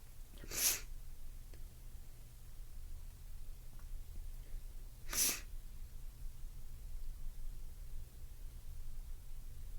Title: Violent ticklish sneezes!!